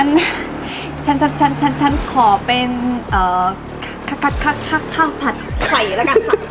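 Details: Acted stuttering by a female character in a Thai comedy skit, ordering food; stuttering (acted).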